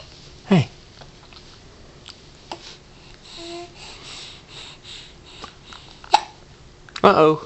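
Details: Hiccups: several brief, sharp, sudden gulping sounds amid quiet room noise and soft vocal sounds.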